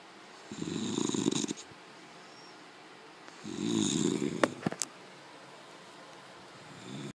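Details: Snoring: two long, low, rough rattling breaths about three seconds apart, with quiet gaps between them; ordinary snoring.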